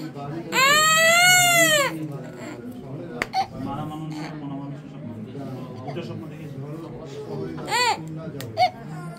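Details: Two-and-a-half-year-old child who has cried excessively since birth, worse in the evening and at night and waking at night crying: a loud sustained wail, then whimpering and more cry bursts, with an adult talking over it.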